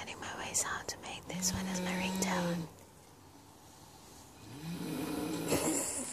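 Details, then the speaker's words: 36-year-old woman, 75 kg, asleep at 2 a.m., recorded from about 2 metres away: harsh, droning, cow-like snores on breathing in, quiet pauses between, faint room noise; snoring. "It's 2 a.m. here and I can hear my nanny snoring here in Singapore. We're like 2 meters away. Oh my god, this is crazy. She sounds like a crazy cow."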